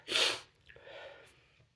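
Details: Sneeze during a reading of the poem The Raven: one sharp, hissing sneeze burst followed by a soft breath and a faint murmur; an ordinary sneeze.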